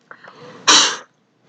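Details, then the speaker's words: Single short, forceful, airy blast after faint preparatory sounds: forced exhalation into a Smart Peak Flow meter connected to the Smart Asthma app, one of three blows after calibration, in a training demonstration. "basically you need to open the app and once the device is connected, press start and after a quick calibration you need to blow three times."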